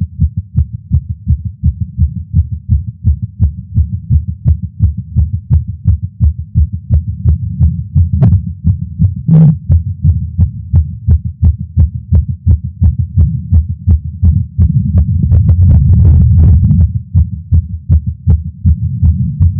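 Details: Male's heartbeat via Stemoscope stethoscope while smoking a cigar after a long break, feeling lightheaded: steady, rapid muffled thumps, roughly 85 to 170 a minute, with rubbing noise; tachycardia after nicotine.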